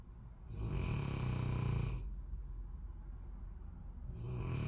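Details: Boy snoring during a nap: loud, low rattling snore on the in-breath lasting over a second, a quiet pause, then the next snore.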